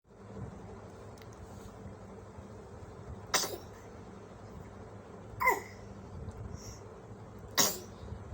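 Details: Three brief, sharp infant sneezes spaced a couple of seconds apart over steady room hum.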